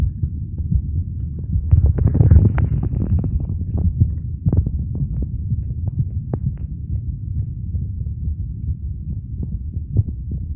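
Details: Adult male's own heart recorded with a phone microphone against the chest at the auscultation sites: muffled low heartbeat thumps with rubbing noise; normal heart sounds.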